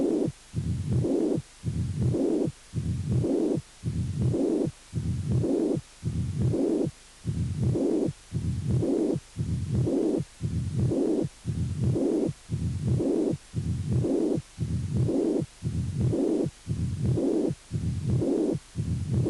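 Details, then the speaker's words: Double mitral lesion (combined stenosis and regurgitation): regular cycles near 58 a minute with long murmurs filling much of each beat. "y doble lesión mitral"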